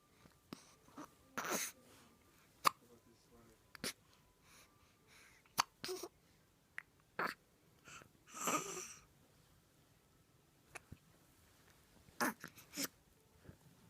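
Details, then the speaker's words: Baby with hiccups: repeated brief, sharp catching sounds at irregular intervals, about ten in fourteen seconds, in a quiet room; infant hiccups. "you got the hiccups."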